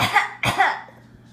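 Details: Simulated sneezes made by a person with a mouthful of peas while another laughs: two short explosive bursts of air and voice, the second louder, then a trailing breathy sound.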